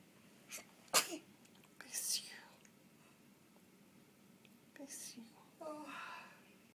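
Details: Sneezing in a 3-day-old newborn baby boy: small, sharp sneeze bursts, one quick sneeze with a faint squeak, with hushed adult whispering nearby.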